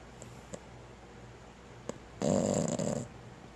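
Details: Boston Terrier snoring: a few faint clicks, then a single loud rasping, fluttering breath noise lasting under a second.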